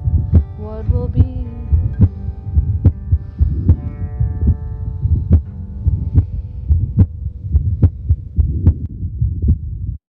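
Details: Heartbeat recording of a female hospice patient: steady low heart thumps at about 71 beats per minute, with her favourite song "Que Sera Sera" playing over them.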